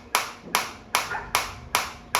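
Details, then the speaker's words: Focused shockwave therapy (ESWT) device as intensity is raised toward maximum level 13 and frequency auto-drops from 180 to 150/min to keep full energy delivery: sharp, regular clicks about 150 a minute. "क्योंकि वो जिस intensity पे आप energy deliver कर रहे हो frequency उसको अपने हिसाब से एडजस्ट करके आपको मैक्सिमम फोकस एनर्जी जो है वो डिलीवर करेगी।"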